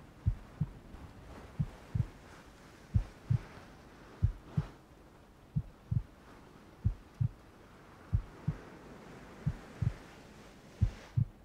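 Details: Heartbeat sound in a furry ASMR roleplay with rain ambience: steady paired lub-dub thumps at about 85 beats a minute with soft rain-like hiss behind; a regular heartbeat.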